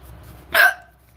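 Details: A girl's hiccup during a live stream: a single short, sharp hiccup with a quick catch of breath and a small voiced squeak, over faint room noise.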